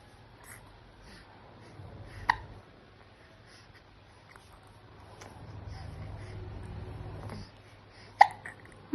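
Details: Hiccups in a 3-month-2-day-old infant: two brief, sharp catches several seconds apart in a quiet room with soft baby sounds.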